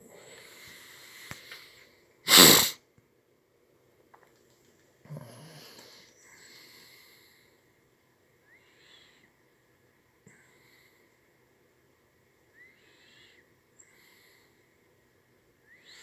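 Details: Sneeze on waking after four hours' sleep, with coughing and feeling run down: one loud, sharp sneeze, then a shorter second explosive sound, then quiet sniffing and breathing.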